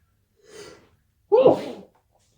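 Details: Person whose nose feels wrong today gives a soft inhaled catch, then one sharp, loud sneeze in a quiet room: sneezing.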